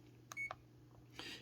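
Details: A single short high-pitched beep with key click as a button is pressed on a CADD PCA morphine pump after validating parameters (bolus 30 mg, 1-hour lockout, 170 ml reservoir); infusion pump keypad beep.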